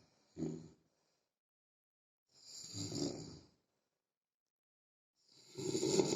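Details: Loud rasping snores, three in six seconds, separated by silent pauses, from a sleeping adult soldier described as snoring heavily; snoring.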